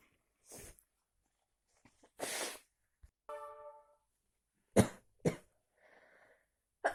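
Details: Person sneezing repeatedly after a walk in heavy, cold rain without an umbrella: several short, sharp explosive bursts with quiet gaps between, a run of sneezes.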